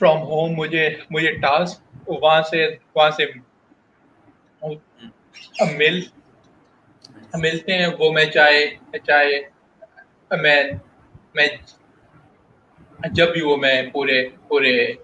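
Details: Adult male professional who stutters, a guest in a stuttering-awareness talk; audible repetitions; stuttering.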